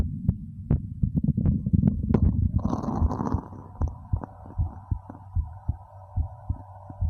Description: This time, I've recorded a video featuring both Heartbeat and Stomach Growl at the same time.